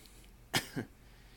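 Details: Two short, harsh coughs in quick succession from an unwell adult who is struggling with coughing while talking in a quiet room.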